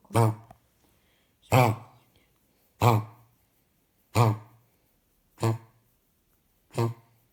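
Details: A dog with kennel cough (treated for 3 weeks) gives six short, harsh, honking coughs at a steady pace.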